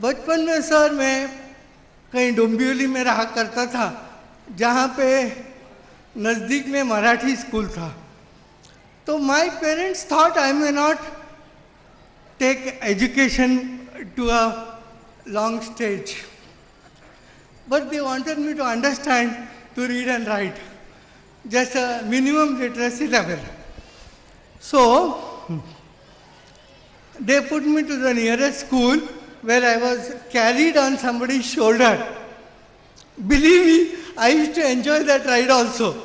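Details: Adult man with severe cerebral palsy since birth, considered 100% disabled, who could not walk or talk as a child; dysarthria from cerebral palsy.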